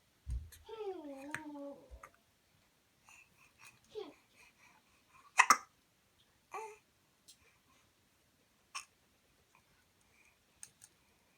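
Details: Baby in a jolly jumper: brief babble, then short abrupt catches of breath repeating every second or two; hiccups.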